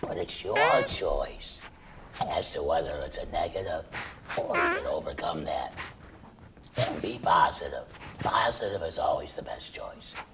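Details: Adult man treated for laryngeal cancer with surgery and chemoradiation, then total laryngectomy separating esophagus from trachea; breathes through a stoma and speaks with a tracheoesophageal puncture voice prosthesis. Tracheoesophageal speech after total laryngectomy.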